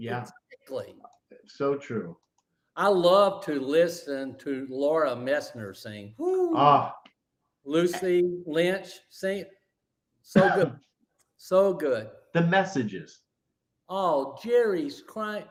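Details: Adult stroke survivor about 9.5 years after stroke, living with post-stroke aphasia; aphasia.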